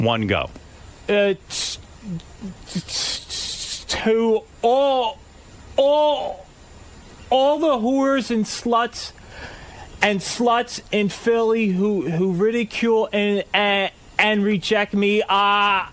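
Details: Stuttering in an adult man with a speech impediment who tries to say a phrase within 15 seconds on a radio game and does not finish in time.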